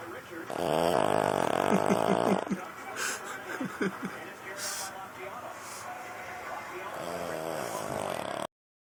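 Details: Buzzing, rattling snores with softer snuffling between, from a sleeping spaniel, with some background noise; snoring.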